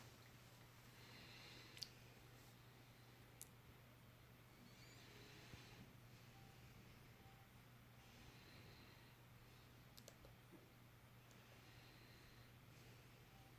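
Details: Faint, soft, unhurried deep breaths through the mouth, about four in the clip, over steady low room hum, heard during a comprehensive physical exam; clear normal breath sounds.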